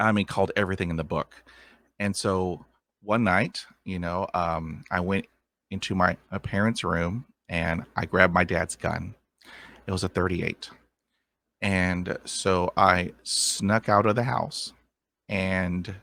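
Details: Adult man with lifelong stuttering who had speech therapy at about age five and uses techniques to manage blocks.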